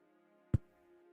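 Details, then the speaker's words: Deliberately popped hip: single dull, low thump over steady background tones; harmless joint pop the person says their hips have always been able to do. "you guys hear that was my hip see I can do the other one oh yeah we got the hip popping ASMR"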